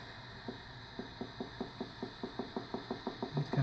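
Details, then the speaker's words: Needle EMG of an adult woman's leg muscles while she contracts on request (push down as on a gas pedal); leg nerves were reported normal. Crisp popping clicks, about five a second and speeding up, over hiss: single motor unit firing. "speeding up slowing down so that's what Brian telling that one fiber to move"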